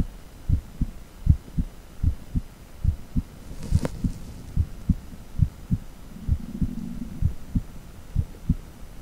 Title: Echo with heartbeat sound